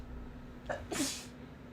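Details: A wet sneeze from a streamer during a video game session, one of a sneezing attack with repeated sneezes: a brief catch of breath, then a sharp burst over quiet room hum.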